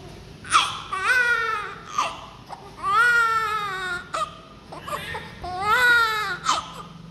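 Repeated loud, high-pitched crying bursts with brief pauses between them, from a newborn on its first day; a normal newborn cry.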